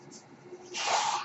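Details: Speaker's own mechanical ventilator heard while he talks on a podcast: a soft hum gives way to a rushing hiss of air as the ventilator delivers a breath.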